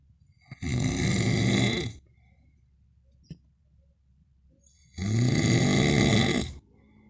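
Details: Snoring in a husband asleep, recorded in the dark: two loud, rattling snores with a quiet pause between.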